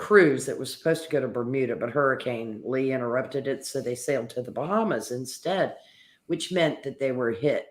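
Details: Adult male speaker; Normal speech.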